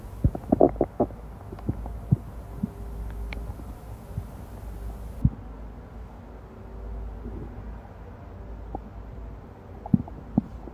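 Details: Amplified stomach gurgles (bowel sounds): scattered pops and low rumbles over a steady low hum.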